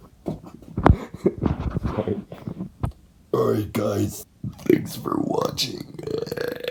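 Two long, deep, voiced belches broken up by bursts of speech sounds; deliberate burping.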